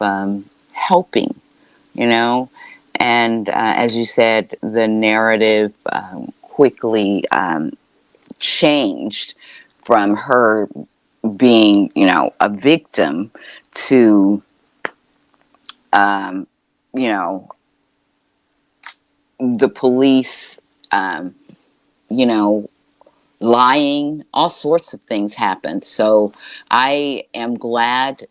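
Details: Adult woman, real, self-reported speech impediment that she calls her "disability"; speech impediment.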